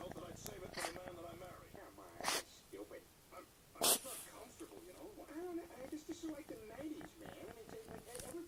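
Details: Two short, sharp, noisy bursts consistent with an animal's coughs, heard over steady background voices: cough.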